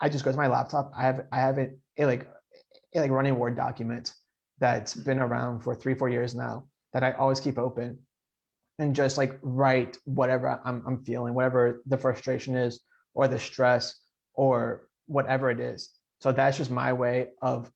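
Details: Adult man who stutters, speaking in a podcast interview; stuttering.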